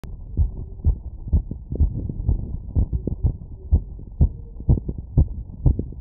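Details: Exercise-induced tachycardia after running 2 km in 10 minutes, heard through a stethoscope membrane (100–1000 Hz): a fast, regular heartbeat at about 125 beats a minute.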